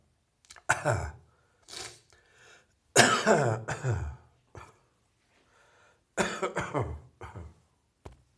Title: Heavy Chest Cold Coughing